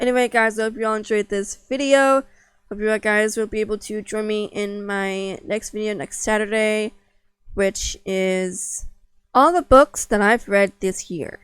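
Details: Stuttering in an adult woman, unedited.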